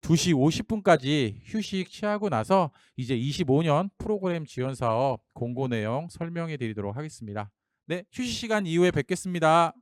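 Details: Adult male speaker; normal speech.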